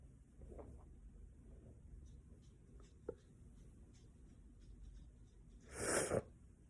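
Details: Person at home feeling very sneezy on the fall equinox: quiet room noise, then a single sharp sneeze near the end.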